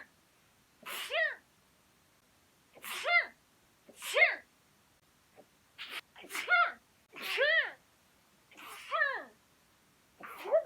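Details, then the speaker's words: Compilation of one person's sneezes from 2020, 19 counted in total: eight separate sneezes in a quiet room, each a sharp burst ending in a voiced, pitched 'achoo'. "2020年くしゃみハイライト版、どうぞ。"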